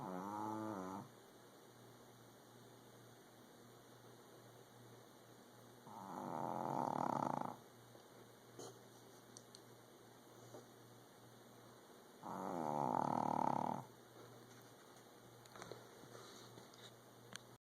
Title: snoring loud